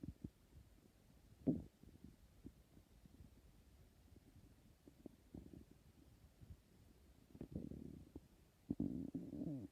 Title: My stomach is really hungry #hunger #stomach #growling #hungry #emptystomach